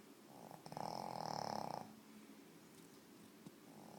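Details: Pug, a flat-faced dog: one rattling, buzzy snore lasting about a second with airway fluttering, then quiet breathing; snoring.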